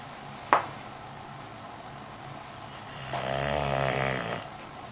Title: Sir Snore-a-lot